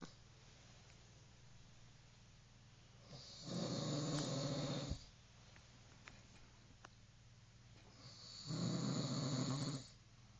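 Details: Person snoring: two long, rattling, low-pitched snores on inhalation about five seconds apart, roughly 12 breaths a minute, over quiet room hiss.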